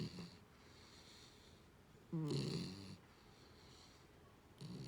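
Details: Young puppy about 4 months old sleeping after play time: soft, snorting snores with one louder rattling breath among quieter ones, faint background hiss.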